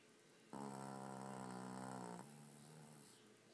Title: Snoring dog